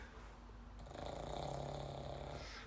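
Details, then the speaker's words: Sleeping bulldog snoring: a low, buzzing, rattling rumble builds over a couple of seconds and fades. "tyson the bulldogs snoring yeah can you hear him listen"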